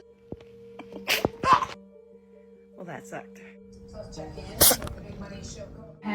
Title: Cat sneezes #cat #catshorts #funny #funnycats